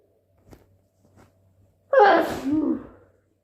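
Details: Induced wet sneeze: a couple of faint catching breaths, then one loud, wet, explosive sneeze trailing into a voiced exhale, a sneeze.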